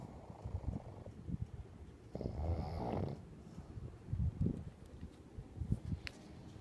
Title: I do snore !